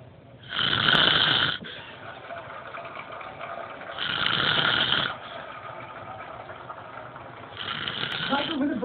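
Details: Adult man asleep: very loud, harsh rasping snores on each breath in, spaced a few seconds apart, with a noisy room background: snoring.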